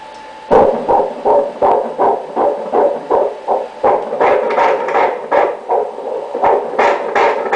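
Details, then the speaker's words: Fetal heartbeat on a pregnancy ultrasound Doppler: rapid, regular whooshing pulses, about 160 a minute, said to be beating normally. "Dá pra ouvir? Dá. Tá batendo direitinho."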